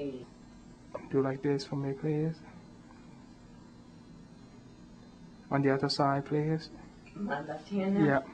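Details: Adult male examiner giving instructions; ordinary speech.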